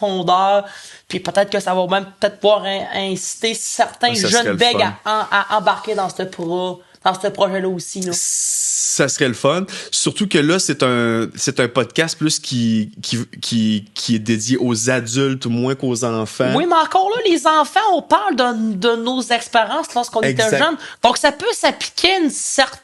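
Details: Male podcast co-host who stutters, speaking French in conversation; stuttering.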